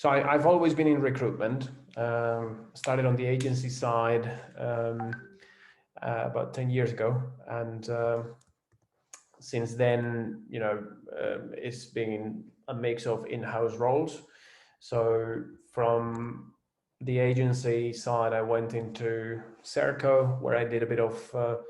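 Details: Adult male speaker; typical speech.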